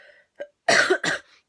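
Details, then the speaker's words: A person with a persistent cough they cannot get rid of coughs repeatedly and speaks in a croaky voice. They also mention a very red, bloodshot eye. "f got this like cough which every time you say cough you want to cough that um I can't Zo get rid of so if I sound a little bit croaky that's why and also that I will keep coughing"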